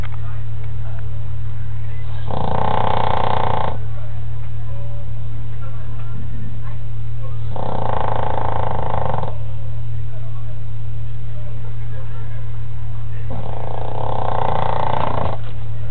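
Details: Sleeping dog that owner says sleeps 22 hours a day: loud rumbling snores, three in about 16 seconds, over a steady low hum; heavy snoring.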